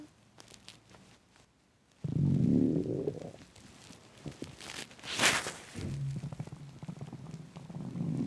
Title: Loud intense empty stomach growling